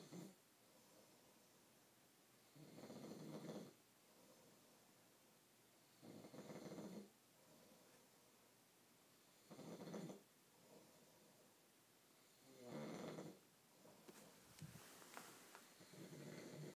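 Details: Ordinary snoring: regular rough snores on each breath, roughly 16 a minute.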